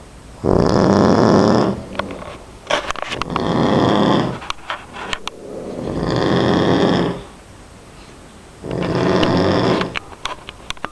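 Loud, rough snores with each breath in, alternating with quieter breaths out, about 12 breaths a minute; plain snoring.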